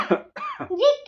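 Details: Single short, harsh acted cough followed by brief voiced sounds, imitating a dry unproductive cough in a home-remedy demonstration; dry cough.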